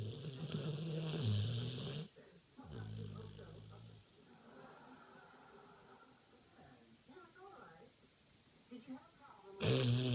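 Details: Loud, low, rattling snores at the start and end, with quieter breathing sounds between; snoring during sleep.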